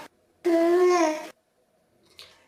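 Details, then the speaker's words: An adult imitates an infant's single short, steady voiced sound, demonstrated as the Dunstan baby language cry signalling thirst. "ensuite si la soif ce sera un note quelque chose comme ça encore une fois"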